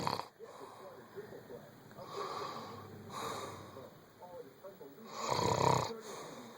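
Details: Irregular snoring breaths with a rough, slightly wheezy tone over room noise; ordinary sleep snoring.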